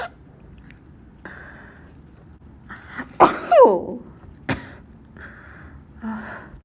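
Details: Student ill with fever 39.2°C, congestion, very sore throat, starting to cough up mucus: a sharp sneeze and a second short burst among quiet snuffling breaths in a quiet room: sneezing.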